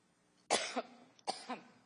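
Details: Two harsh cough bursts about three-quarters of a second apart from an adult woman, while speaking at the Benghazi hearing, part of an ongoing coughing fit.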